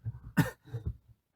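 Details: Cough from a young male K-pop singer with a cold, during a live broadcast: a short, muffled, low-pitched cough with a softer follow-up amid quiet speech.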